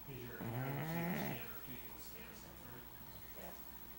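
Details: Pug snoring: a rough, rattling snore from a small dog, followed by softer snuffly breathing.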